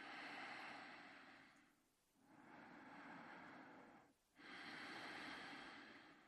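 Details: Person sleeping in bed, snoring: long, noisy breaths with short pauses between them; heavy snoring during sleep.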